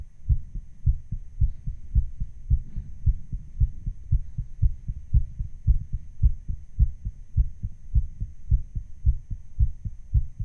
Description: Hello, this is a recording of my heart sound that I speeded up a little.